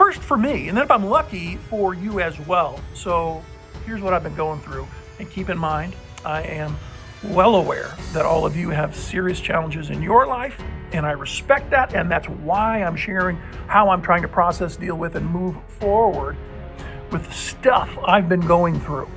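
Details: Adult man, nine months after a respiratory illness puzzling doctors, infection cleared, breathing fine but persistent spasmic cough; voice unlike his normal voice, unsure if it will recover: dysphonia.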